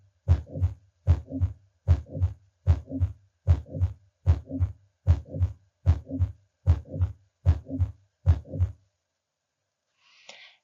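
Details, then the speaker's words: Teaching-lecture recording of a regular heartbeat at about 75 per minute with a soft murmur rising in loudness, beginning in mid-systole and ending before diastole: a crescendo systolic murmur. "the crescendo murmur begins in mid syy and ends and ends uh before before diast here's the crescendo murmur"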